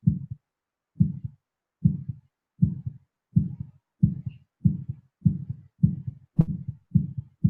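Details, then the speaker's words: Synthesized auditory heartbeat: low thumps accelerating steadily from about 60 to roughly 115 beats a minute, an artificial tempo modulation. "so from this I can create a slow heartbeat sound this is a very slow heartbeat 40 BPM fast heartbeat sound and we can also create like arbitrary modulations"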